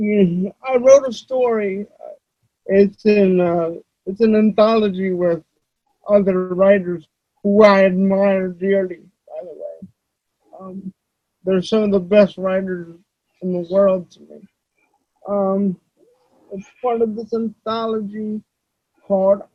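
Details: Adult man with dysarthria due to cerebral palsy.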